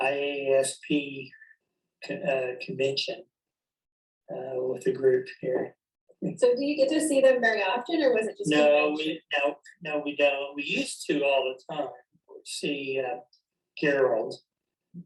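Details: Man with chronic anomic aphasia, in conversation therapy with a clinician during a collaborative referencing game, describing a photo; anomic aphasia.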